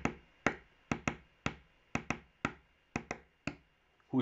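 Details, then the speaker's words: Teaching audio of an S4 gallop: a triple heart rhythm near 60 a minute, with an extra soft sound just before the first heart sound. "mientras que el s 4 va a sonar entonces junto justo antes del s 1 tal cual como este piense como suena justo antes fuera"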